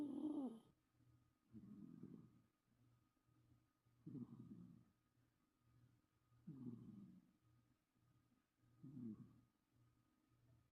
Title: snore baby compilation 🥰❤️ #cat #cute